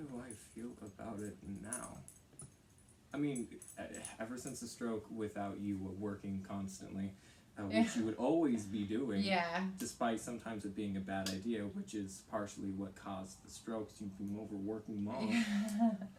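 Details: Teenage boy speaking; typical speech.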